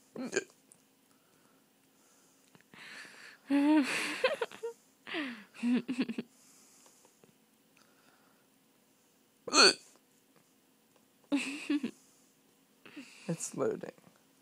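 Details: Short, sharp, voiced hiccup bursts, about seven in fourteen seconds at irregular spacing, with faint laughter between; hiccups.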